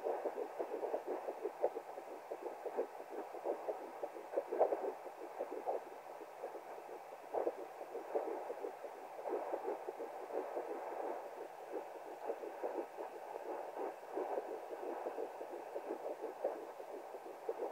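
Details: Fetal heartbeat at 10 weeks 3 days of pregnancy heard with a handheld fetal Doppler: fast, rhythmic whooshing pulses.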